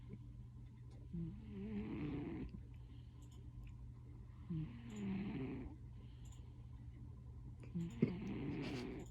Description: This is Preacher. He snores very loud and he is my god.